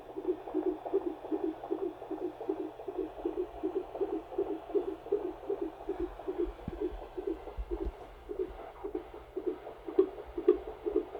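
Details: Fetal tachycardia on Doppler during labour at a midwife's home, fetus not turned: fast whooshing heartbeat about 160 bpm, higher than it should be, dipping into reasonable range at times, reportedly nearly reaching 180.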